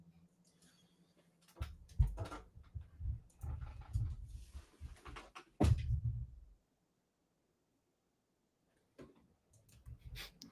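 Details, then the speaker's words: Snoring from a sleeping dog: low, rough rumbling bursts broken by a quiet pause, with faint room noise. "I did not stop snoring dog can you hear him no"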